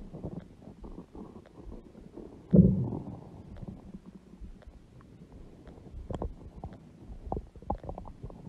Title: Huge belly stomach growling noises | Belly Stomach Makes Noises.